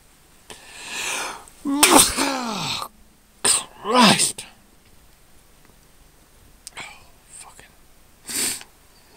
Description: My final sneezes of 2014